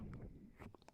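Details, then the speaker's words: Brief low, soft gurgling stomach rumble followed by faint clicks, ordinary tummy noise. "Oh. I hope you guys didn't hear that. That was my tummy making a tummy noise."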